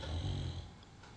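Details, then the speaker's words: A pet dog snoring loudly in the background while asleep: a single loud, low rumbling snore fading after about half a second into quiet room noise. "I don't know if you can hear my dog snoring in the background what I saw he is so loud I put earplugs on when I'm sleeping"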